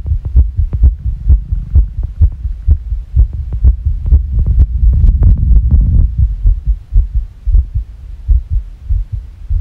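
Rapid low thumping heartbeat, roughly 125 beats a minute, with uneven spacing between beats: a fast, irregular rhythm.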